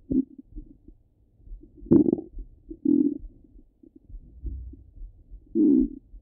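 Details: Stomach rumbling over the abdomen: irregular gurgles and bubbling rumbles of varying loudness; normal bowel sounds.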